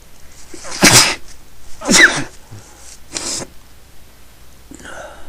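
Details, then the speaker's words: Someone sneezing repeatedly, saying they can't stop: three sharp, explosive sneezes in quick succession, then a short sniff. "Here comes another one. Okay. Oh, shit. Okay. Oh, fuck, I'm gonna sneeze"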